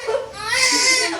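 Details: Newborn cry just after a normal birth, the mother's third baby: a single high, strong, sustained wail.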